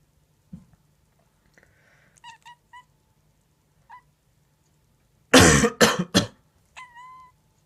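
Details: A person gives three harsh coughs in quick succession while a cat, reacting to the cough, makes soft chirps and grumbling meows before and after.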